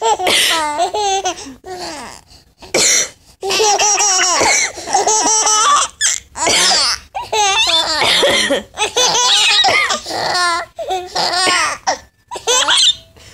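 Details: A few short, dry coughs from the mother, each followed by bursts of hearty laughter from 7-month-old twin infants.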